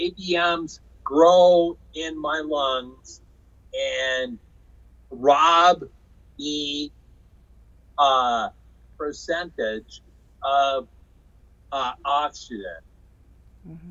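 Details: Man with aphasia after a stroke in 2005 caused by hereditary hemorrhagic telangiectasia (HHT); he says he had or still has aphasia and talking was his hardest recovery challenge; aphasia.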